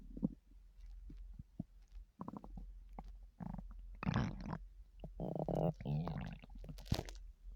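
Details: Loud stomach noises: borborygmi.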